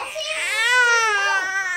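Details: A 1-month-old baby boy cries during tummy time while urged to lift his head: sustained, high-pitched wailing rising then falling in pitch, music in background; infant cry.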